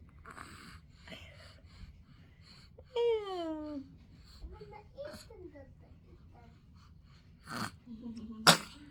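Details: Baby yawning and sneezing: soft infant vocal sounds, including a falling whimper-like call, then a sudden sharp sneeze burst near the end in a quiet room; sneeze.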